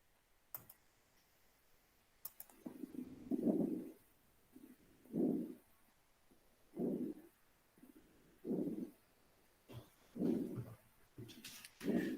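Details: Regular rustling breath sounds with a rough, popping texture: lung crackles played as an example in a COPD and asthma pharmacology lecture.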